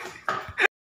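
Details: Young child who coughs while playing, then cries: a brief, harsh cough burst with a short catch and a sharp ending.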